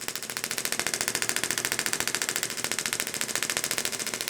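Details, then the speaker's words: Pulse (pressure) wave therapy device demonstrated over a patient's wrist and carpal tunnel for carpal tunnel syndrome at reduced intensity; rapid, regular sharp clicking pulses about twenty per second sending focused energy waves into tissue. "you'll hear the pressure wave unit vibrating the bullet back and forth that's sending Focus waves of energy into the tissue"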